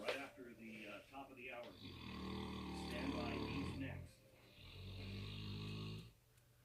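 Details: Snoring in four sleeping mastiffs: low rumbling snores, overlapping and irregular.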